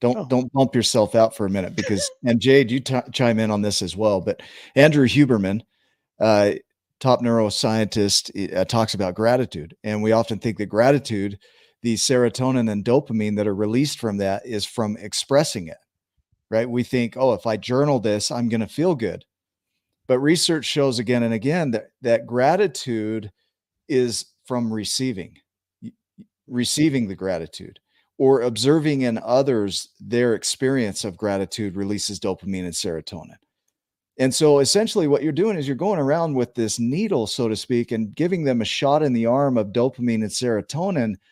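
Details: Adult man speaking; normal speech.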